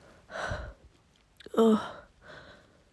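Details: Female with a head cold, home in bed and sneezing every few hours, gives a breathy intake, then one forceful, wet, messy sneeze and a trailing exhale, with nose blows; sneezing.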